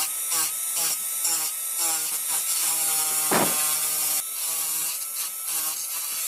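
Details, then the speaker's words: Dental high-speed drill cutting the functional cusp bevel at about 45 degrees on a typodont mandibular first molar (tooth 36) for a full veneer crown: high-pitched whine rising and dipping, short air/water spray hiss. "So we have completed our functional cusp bevel. It's just a slight bevel."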